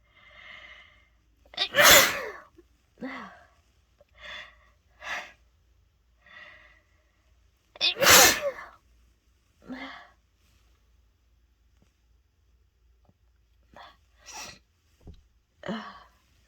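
Two loud sneezes among many smaller sneezes and gasping breaths; uncontrolled repeated sneezing brought on by a sneezing powder.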